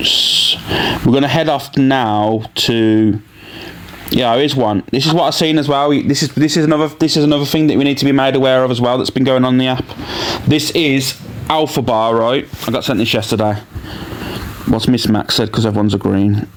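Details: Adult male speaker; normal speech.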